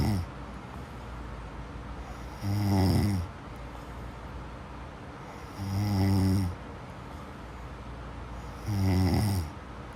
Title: صوت شخير النوم sleep snoring sound